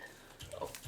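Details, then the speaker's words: Adult woman's involuntary belch, which she says she cannot control: a brief, low, throaty voiced burp. "just burped did you hear that that's one that like i said before i can't control just comes out"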